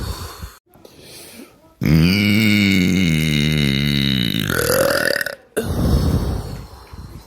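A long, loud, drawn-out voiced belch lasting about three seconds, followed by a shorter belch, with room noise around it.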